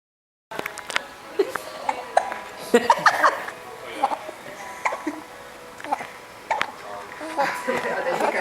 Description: Two two month olds, born a day apart on May 17th and 18th, have a hiccup battle.